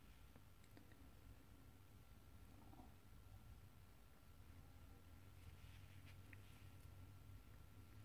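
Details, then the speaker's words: An adult's stomach rumbling (borborygmi) at lunchtime before eating, while making a beaded bracelet. "i've just finished putting the groceries away before i started this so hopefully my stomach behaves enough until i can get something to eat"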